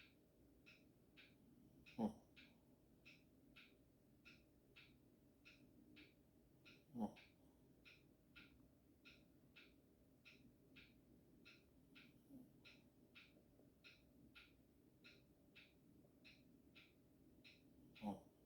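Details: Snoring, possibly a sleeping dog: quiet, steady snorting breaths about 12 a minute with a few louder snores.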